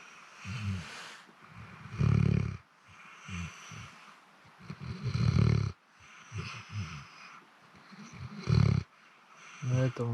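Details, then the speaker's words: A Labrador asleep in a boat during a fishing trip snores loudly "like a tractor": rough, low snores about every three seconds with quieter breaths between, faint outdoor noise. "Вот так он дрыхнет лодки Может проспать пару часов храпит тут как трактор"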